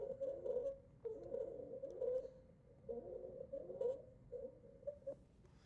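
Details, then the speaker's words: Stridor played as an example in a pulmonary lecture: a harsh, high-pitched crowing noise with each breath, repeating in cycles, described as the sound of a blocked upper airway tube that impairs gas exchange. "Hear that high pitch? We're going to listen to that one more time. This is it. This is a sound that you need to know."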